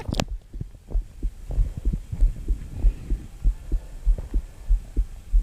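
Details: Regular low thumps at about 95 a minute over a steady hum, a heartbeat picked up close to the body during a bout of frequent hiccups that began after eating pasta.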